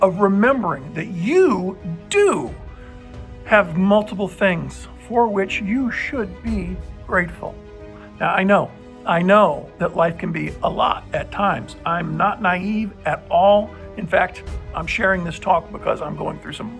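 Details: Adult male with dysphonia persisting nine months after a respiratory illness that puzzled doctors; infection cleared, no breathing trouble, but an uncontrollable spasmic cough remains; voice unlike his normal one, possibly reversible but uncertain.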